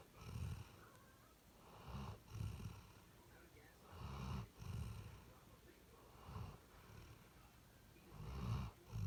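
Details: Deep, rumbling snores in repeated pairs, about 14 a minute, from a sleeping dog; ordinary snoring.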